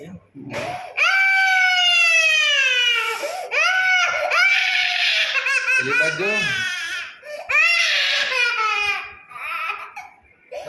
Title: A really cute baby girl crying for injection ll